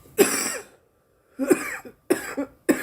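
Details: Adult woman coughing after smoking, face feeling hot: four harsh, rough dry-sounding cough bursts in quick succession with brief pauses.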